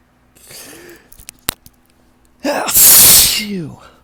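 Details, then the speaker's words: Allergic sneezing on a morning of ragweed pollen and high winds: brief catching breaths after a tickling build-up lead to one loud, forceful, wet sneeze and a short voiced sound, one sneeze triggering the next. "It's just like a domino effect in my nose. I just one sneeze just kind of leads to the next."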